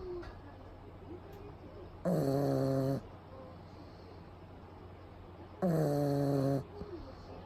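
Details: Pug sleeping during a daytime nap with eyes rolled back showing the whites, recorded close up; two loud, rough, buzzing snores about a second long, separated by quiet breathing over room hum.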